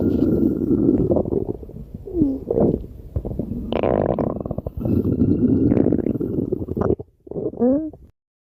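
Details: Long, loud gurgling rumbles with squeaky, rising and falling tones: ordinary stomach growling from gas and fluid moving through the gut.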